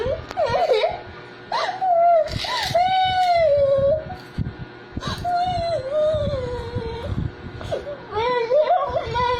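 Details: 4-year-old child crying after running, falling and getting a wound that was washed with soap and treated with antibacterial cream: drawn-out wails and sobbing breaths, with adult talk in a small room.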